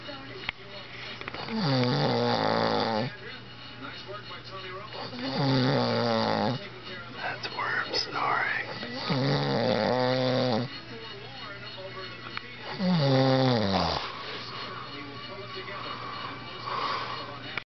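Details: Person snoring in a fish house: loud, rough rattling snores on breathing in, about 16 a minute, with quieter breaths out between.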